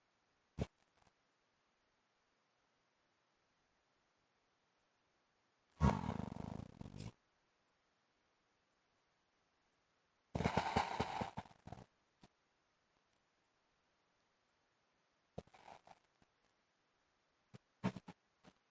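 Loud, rough, rattling snores in irregular bursts with quiet gaps between them, much like a revving engine; heavy snoring.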